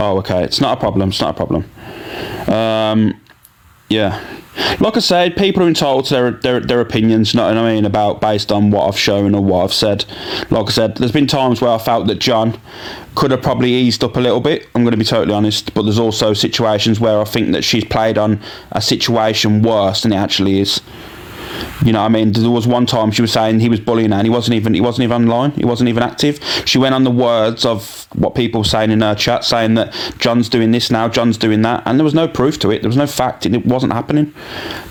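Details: Adult male speaker; ordinary speech.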